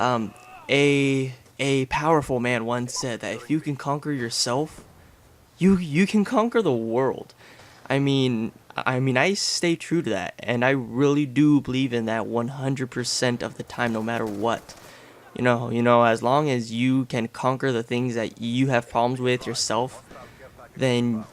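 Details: Real adult male with a lifelong stutter since about age six, now relatively mild after speech therapy, with a family history (grandfather, a grandfather's relative, a cousin); stuttering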